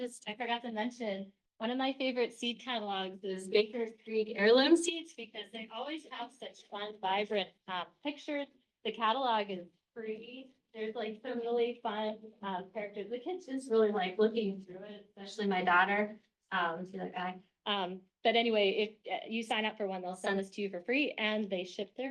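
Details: Adult woman; normal voice.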